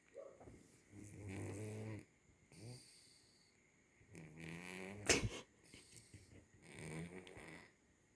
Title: Snoring kitten